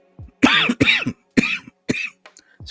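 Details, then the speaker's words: Adult speaking on a live stream, warm and sweating in a cooling room: four short, loose coughs in quick succession, then quiet breaths; lingering cough. "I think um because of the temperature and it's getting a little chillier in the room and I'm kind of sweating not perspiration it's just getting to me hang on a sec here yeah so as you can hear the lingering cough"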